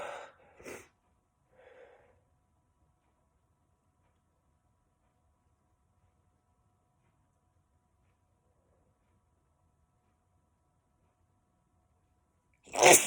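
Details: Sneezes from a male, per the title's "(m)": sharp, explosive sneeze bursts at the start and end, separated by a long quiet pause.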